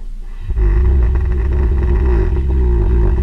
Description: This video clip of a snoring black bear is from infrared illumination of the bear in its hibernaculum in Fairbanks, Alaska.